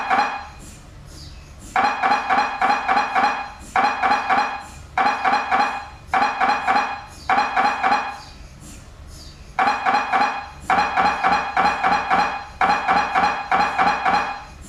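Loud repeated mechanical knocking in rapid bursts of about 3–4 per second, separated by short pauses: typical MRI scanner noise.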